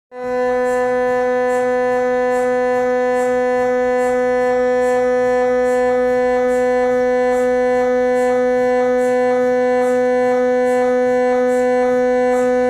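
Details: MRI scan of the left leg, about 5 months after a work-accident fracture, checking healing: loud steady droning tone with rapid rhythmic knocking pulses.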